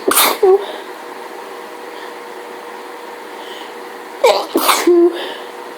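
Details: Three sharp sneezes, one at the start and two close together near the end, against steady room hum, during a full allergy fit from hay fever with sneezing every few seconds; repeated sneezing.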